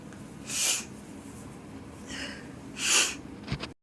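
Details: Person with a sneezy nose in winter: two sharp, hissing nasal bursts in a quiet room with a short blowing sound between, fitting forceful sneezes and snorting.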